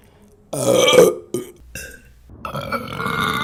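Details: Repeated burping: one loud, drawn-out belch followed by shorter gurgling belches.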